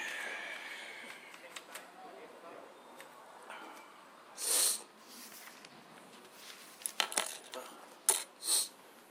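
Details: Sneezing fit, the first in a long time: two short, hissing sneeze bursts with quick sniffs and breaths between them in a quiet room.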